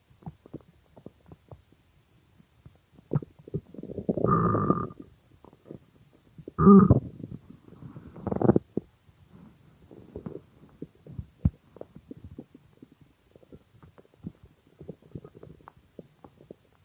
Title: Extremely Hungry Stomach Growling